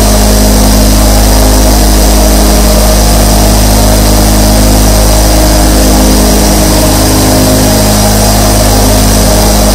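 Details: Twenty-four nebulizers running together: steady, loud motor hum with fast, even throb of about four pulses a second; nebulizer compressor sound.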